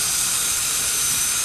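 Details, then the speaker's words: High-speed dental drill with a quarter round bur and water spray gives a continuous high-pitched hissing whine as it cuts through a gold post and core. The tooth, a planned bridge abutment, has an incomplete endodontic fill and a very short post. "to remove gold to the gold post by placing the head of the Burr right in the middle of the post"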